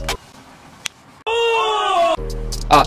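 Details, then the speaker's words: Single sharp, crisp pop from the knee during a squat, attributed to joint imbalance; knee crepitus, music in background. "大家能听到一个脆耳的响声，这就是你的关节失衡造成了关节的弹响。"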